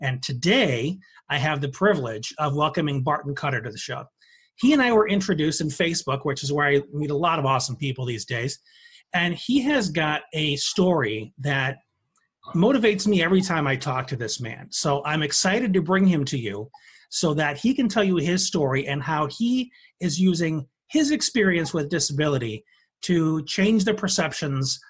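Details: Adult male speaker; typical speech.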